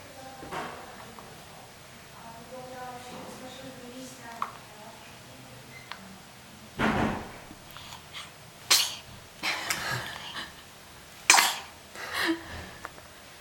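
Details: Person on day 2 in hospital sneezing: several sharp, explosive bursts of air, three or four in close succession, after some quiet sounds; a run of sneezes.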